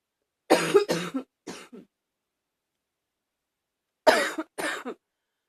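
Two clusters of short, harsh coughs, five bursts in all, with a slightly barky, hoarse edge.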